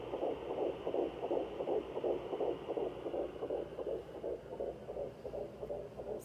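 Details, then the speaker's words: Fetal heartbeat heard at home with a handheld Sonoline B fetal Doppler: rapid, regular whooshing pulses at about 160 a minute over a steady hum, much faster than the mother's own slower heartbeat. "you can clearly tell the difference between mine and the babies the babies are so much faster in the sweetest slow sound"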